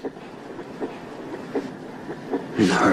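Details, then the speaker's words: Fetal heartbeat on a Doppler monitor in a TV drama scene: rhythmic whooshing pulses while the pregnant woman listens. "When you first found out you were pregnant, you didn't want to hear the baby's heartbeat."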